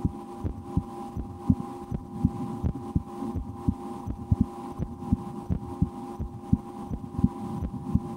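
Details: Own heartbeat heard through a stethoscope in an ASMR recording, after a lunch with loud digestion: soft, fairly regular beats about 85 a minute over hum with rubbing noise; normal heart sounds.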